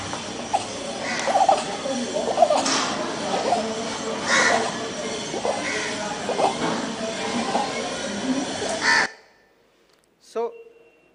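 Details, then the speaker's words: Infant with laryngomalacia, well immunized: noisy breathing with repeated harsh, crowing sounds on breathing in over background noise; inspiratory stridor. "And with which is noise, so it's looking like a stridor."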